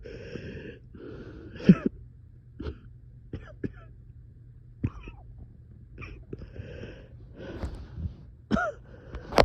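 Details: 3am coughing fit in a person reporting being very short of breath: several short, harsh coughs with wheezy, strained breaths between them in a quiet room.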